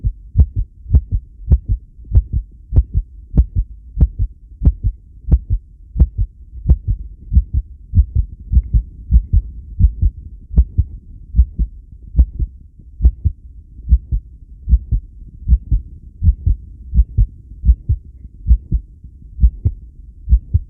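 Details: Steady, regular low heart thumps at about 95 a minute with no breath sounds, recorded during a long breath-hold (10 lead); subject asks whether the heart's response is normal.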